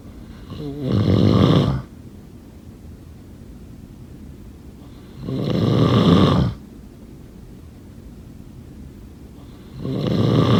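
Three rough, rattling snores on each breath in, roughly every four to five seconds, about 13 breaths a minute; ordinary snoring.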